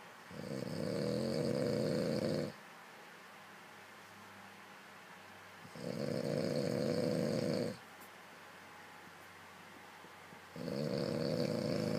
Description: This is a snoring weirdo